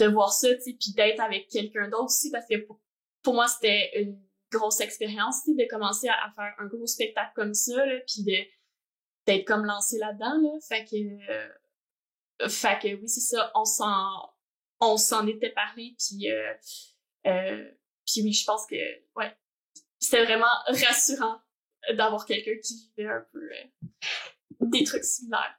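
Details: Adult woman who stutters and also has ADHD, and has had speech-language therapy; stuttering.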